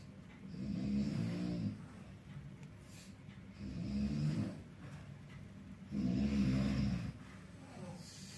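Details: Snoring from a hospital roommate behind the curtain, keeping others awake: low rumbling snores on breathing in, about three over eight seconds, with quieter breaths between.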